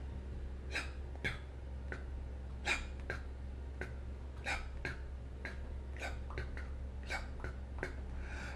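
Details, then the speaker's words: Vocal imitation of an S4 gallop, an extra soft sound just before S1, from vigorous atrial contraction against elevated left ventricular diastolic pressure, as in hypertrophic cardiomyopathy or hypertension. "since the atria are contracting vigorously to move the blood into the left ventricle it produces the s4"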